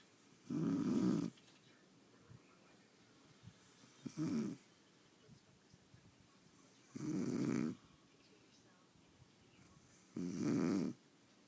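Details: Four rasping snores in a quiet room, roughly one every three seconds, with quiet gaps between them, in deep sleep; snoring.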